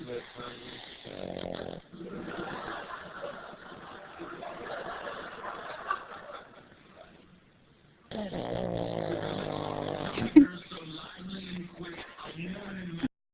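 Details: Sleeping pug snoring while cuddled up: rough, rattling snorting breaths, several in a row with a pause between, over faint room noise.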